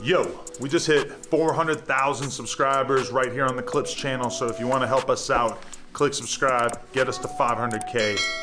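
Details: Adult male speaker; normal speech.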